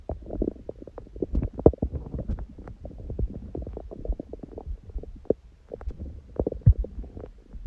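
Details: Own stomach sounds after a raw-food meal and ab workout; fasted with only water from 19:00 the previous day, first meal at 16:00 eaten in a binge; continuous low gurgling and rumbling with louder pops: active normal bowel sounds.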